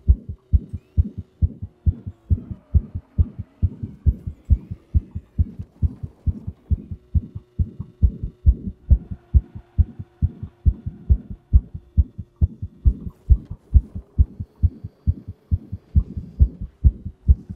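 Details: Heartbeat while the person plays the fast-paced racing game Hot Wheels Unleashed 2, intensifying during the final boss race. A strong, regular, rapid pounding beat at about 136 per minute from excitement; they note they have a little murmur.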